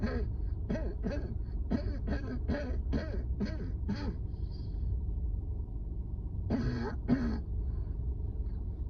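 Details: Run of about ten rapid, strained coughs, then two more after a pause, over steady outdoor rumble on a rooftop during a severe asthma flare-up at work; coughing fit.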